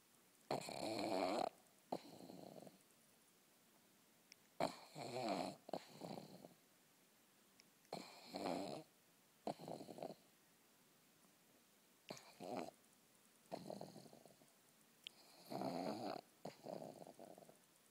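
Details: Snoring, with the owner saying nasal strips are needed: repeated rasping snores, each breath in followed by a softer breath out, about 15 breaths a minute.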